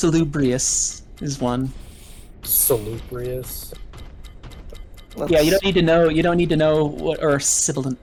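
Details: Male streamer's self-reported echolalia, which he calls a speech issue that he tries to control; the microphone picks up repetitions that went unnoticed in person.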